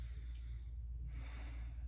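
A soft, audible breath drawn in over a steady low room hum, ending in a brief louder catch: a normal deep inspiration.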